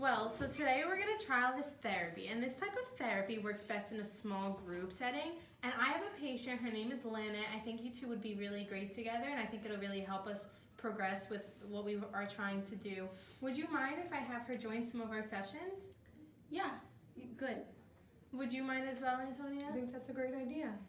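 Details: Adult woman speaking; normal fluent speech.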